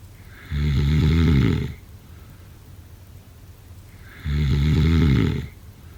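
Two loud, low, rattling snores on the in-breath, each about a second long, separated by quiet out-breaths.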